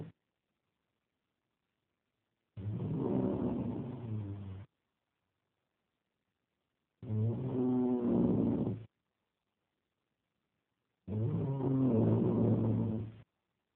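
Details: Snoring recorded in Tenerife: three loud, deep, buzzing, horn-like breaths about 14 a minute with silence between them.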